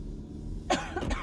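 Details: Adult with bronchitis and an ear complaint, X-ray to rule out pneumonia, coughing in a car: two short harsh coughs over low engine rumble.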